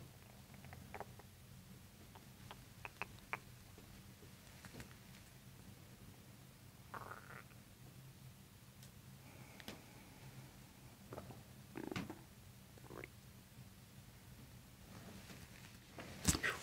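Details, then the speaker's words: Active bowel sounds in an adult during chiropractic abdominal work with belly breathing after diaphragm manipulation, described as breathing changing gastric motility: soft gurgles and squeaks over low room hum; the patient reports poor digestion. "like you can hear how responsive your stomach is to it just even the breathing alone was changing the gastric motility"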